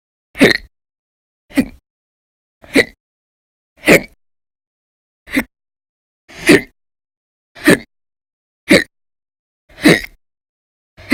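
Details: Persistent violent, very loud hiccups in episodes lasting about 10–13 hours a day through December 2019, audio only: sharp, abrupt hiccups about once a second, roughly 55 a minute, silence between.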